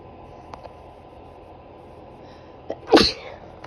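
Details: Female sneezing set off by a small makeup brush dipped in black pepper: after a quiet stretch with faint clicks, a short intake then one sharp, explosive sneeze.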